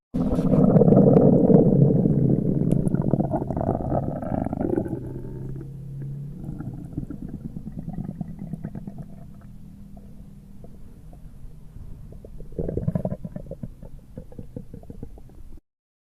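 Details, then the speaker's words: Abdominal auscultation in gastroenteritis/diarrhea: loud, continuous gurgling and rumbling bowel sounds; hyperactive bowel sounds. "los ruidos intestinales o ruidos hidro aéreos en presencia de una gastroenteritis o diarrea se ausculta de la siguiente forma"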